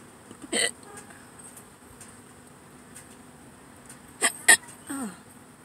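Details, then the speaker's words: Adult hiccupping in a parked car before eating, hiccups and burps together: several abrupt, sharp hiccups, a pair close together, then a brief burp-like sound; quiet car background. "I think hiccups and burps at the same time so weird yeah my body's like come on do something"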